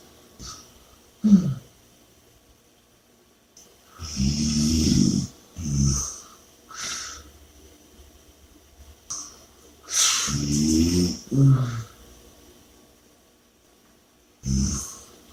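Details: Loud, rattling snores on the in-breath with heavy, noisy out-breaths, about 11 breaths a minute, somewhat irregular; snoring.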